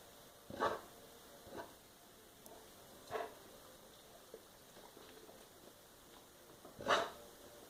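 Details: Dog huffing or coughing, constant, worse after eating, sometimes with empty vomit-like motions and small food regurgitation after play; several vets consulted: four short, breathy huffs spaced irregularly in a quiet room.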